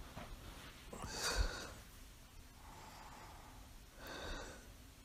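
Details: Adult with mild sleep apnea, mild asthma and a congenital heart murmur, recorded sleeping: soft snorting breaths with faint occasional snoring and quiet pauses where breathing stops; mild snoring with apneas.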